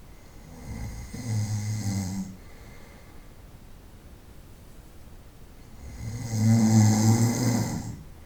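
Two deep, rattling inhaled snores separated by a quiet exhale; ordinary night-time snoring.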